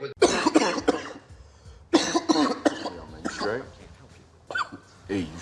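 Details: Movie supercut of acted film coughs and sneezes: several short harsh coughs in bursts with throat clearing; cough.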